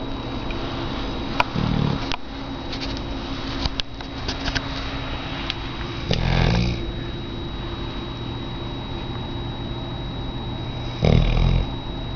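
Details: Low, brief grunting snores roughly every four to five seconds over steady room hum from a very large female auburn Labrador retriever in rescue, asleep; dog snoring.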